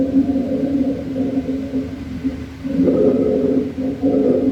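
Low-pitched, continuous snoring-like rumble with breath cycles, consistent with rhonchi from secretions in larger airways.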